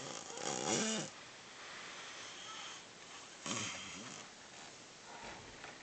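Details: Two rough, fluttering snores about three seconds apart over faint room noise. Snoring.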